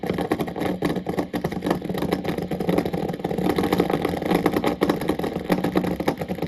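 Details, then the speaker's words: Needle EMG during voluntary contraction as the patient stretches out: dense, rough crackling roar, an ordinary interference pattern. "And this is again the kind of uh muscle contraction that you heard when I gave you that first example when I asked the patient stretch out."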